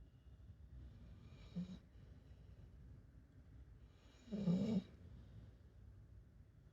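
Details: Sleeping dog snoring: two brief snorting breath noises over low room hum, the second louder and rougher; snorting.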